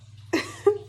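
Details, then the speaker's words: Two quick, light, dry coughs without rattle over a faint hum, from a person with an overactive thyroid (hyperthyroidism) after treatment; throat irritation, and they feel it sounds fake. Dry irritative cough. "like my throat like throughout this video you kind of see me coughing or like i don't know how to explain it like it's like a real petty like fake i feel like it sounds like a fake cough"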